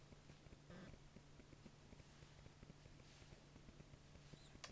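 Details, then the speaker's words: Female patient, abdominal percussion during a head-to-toe assessment: quick soft finger taps, tympany in all quadrants except dullness over the liver in the right upper quadrant. Bowel sounds active in all four quadrants, no pain on palpation. "there was timony in all quadrants except for in her right upper quadrant that's because her liver is there the sound was dull"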